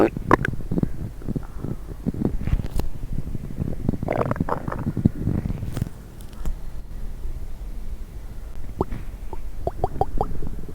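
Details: Stomach noises after coffee and diet coke: low gurgling and bubbling rumbles with a few sharper squelches; ordinary borborygmi.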